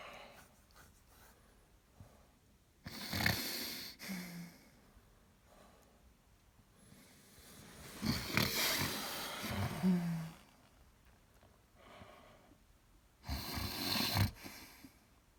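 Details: Adult woman having her second recorded grand mal seizure two weeks after the first, filmed by her husband: loud, irregular snorting and gurgling breaths in bursts separated by quiet pauses, stertorous breathing during a generalized tonic-clonic seizure.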